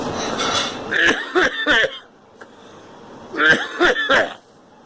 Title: Coughing